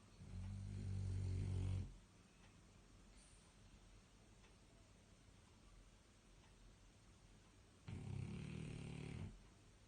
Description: Snoring Pig Dog